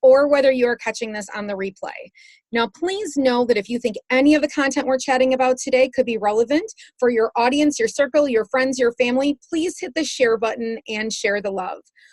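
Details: Adult woman; typical speech.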